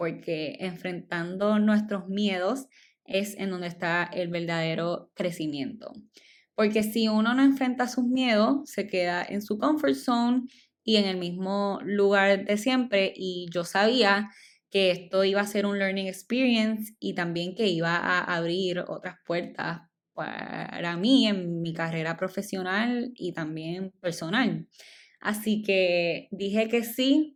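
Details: Adult woman, stuttering since childhood, speaking Spanish; she says it is stronger in Spanish than in English, and milder when recording alone; stuttering.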